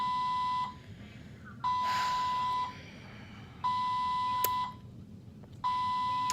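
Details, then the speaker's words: IV infusion pump alarm in a postpartum hospital room after an emergency c-section, the pump malfunctioning since surgery: steady one-second tones repeating about every two seconds, about 30 a minute. "her so yep it's still going off and I just have to call for the nurse just one of the many things we have to deal with"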